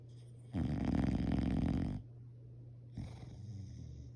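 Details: Bulldog snoring loudly: one rattling, vibrating snore about 1.5 seconds long, then a weaker snoring breath after a short pause.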